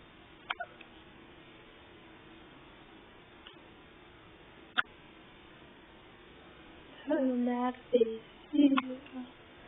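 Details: Newborn baby boy's first hiccups outside the womb: a few brief, sharp, irregular hiccup clicks over several seconds in a quiet room, then soft adult talk.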